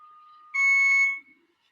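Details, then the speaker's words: Nurse-call alert buzzer recorded around 6 a.m. in a son's hospital room, sounding when something is off with his medications: a faint high tone, then a loud steady electronic buzz about half a second long. "this is the way it is whenever something's off with the meds or with anything to do with him we get this buzzer right and I guess it's supposed to alert the nurse"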